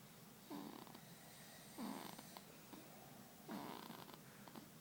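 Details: Soft, fluttering snores about every second and a half in a quiet room from a sleeping baby: infant snoring.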